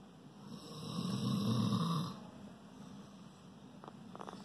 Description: Our shorthaired pointer fell asleep beside me and I guess he was so comfortable he started snoring.